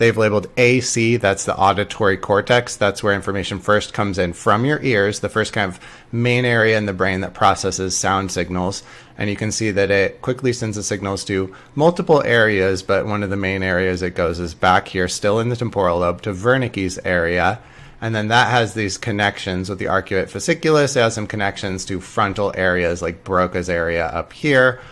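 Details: Adult male lecturer; normal speech.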